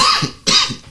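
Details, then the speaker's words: An adult man on a podcast has a persistent dry cough that is not going away: two quick, harsh coughs in a small room, dry and without any rattle of mucus. "Excuse me. But this dry cough is just not going away."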